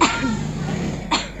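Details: Adult demonstrating the wrong way to cough for cough etiquette: an acted, open, uncovered cough with a burst at the start and a smaller one after.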